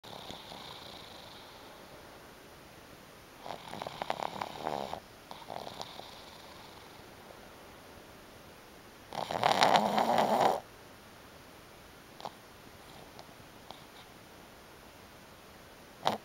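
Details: Sleeping black pug with irregular snorting, rasping breaths, one louder snore among softer ones; snoring.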